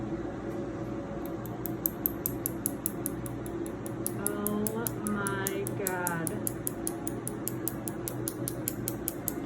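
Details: Laser tattoo removal on the upper arm at a first treatment session: rapid sharp snapping clicks, roughly four a second, over a steady machine hum with brief whining tones; patient likens the sensation to rubber bands or hot grease.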